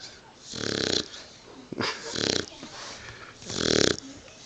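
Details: Sleeping Mastiff/Pit-Bull puppy, still snoring while the owner tries to wake it; three rhythmic, nasal snoring breaths with a whistling, wheezy edge, said to snore like a man.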